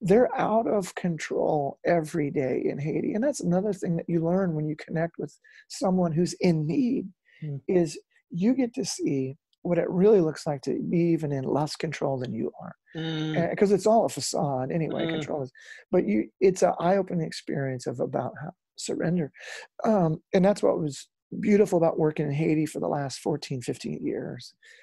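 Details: Adult male former rock lead singer with incurable spasmodic dysphonia, which began at the height of his singing career, was first taken for hoarseness, could not be fixed by doctors and ended his singing; still audible in his speech; spasmodic dysphonia.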